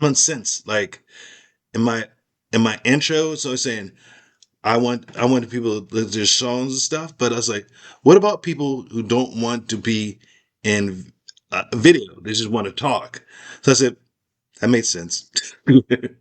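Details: Aphasia in a man who had part of his skull removed during recovery; the underlying cause is not stated.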